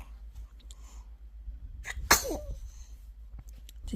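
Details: Sneeze from a 3-month-old baby after feeding: a single sharp sneeze in a quiet room, followed by a brief soft vocal sound, the baby smiling.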